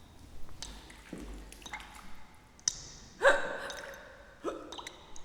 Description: A woman suffers a bout of the hiccups.